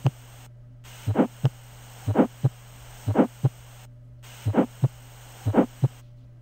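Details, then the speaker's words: Pediatric health supervision visit: a grade 1/6 systolic, low-pitched, vibratory murmur, best at the left sternal border and softer from supine to upright. Heart rate about 60 a minute. This is an innocent Still's murmur. "On physical examination, you heard one over six systolic low pitched vibratory murmur best heard on the left sternal border decreased in intensity when moving from supine to upright position."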